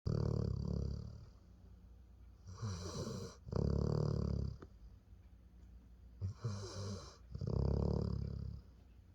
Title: Dog Snoring. Honeybee gets relaxed